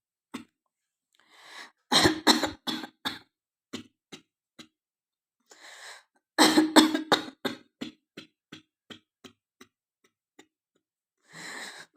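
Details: Woman deliberately performs coughing on request, with hoarse, changed voice: two bouts of repeated short, dry coughs, about a dozen each, separated by breaths; a sustained coughing fit.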